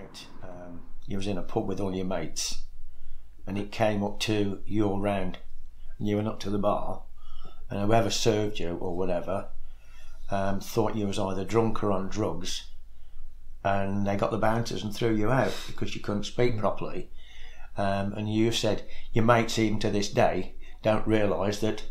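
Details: Adult male speaker; ordinary speech.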